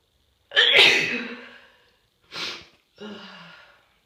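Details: Itchy, explosive sneezes that could not be held back, during a cold.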